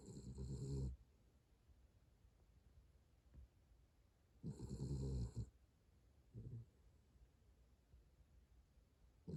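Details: Sleeping pet dog recorded snoring on 2021-11-04: soft, low snores about 14 a minute with quiet pauses between; ordinary snoring.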